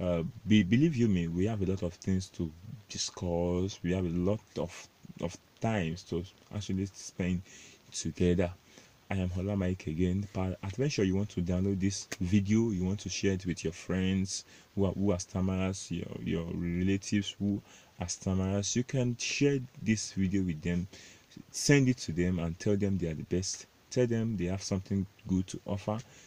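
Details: Stuttering (stammering) in an adult Nigerian male, self-described proud stammerer, with word repetitions.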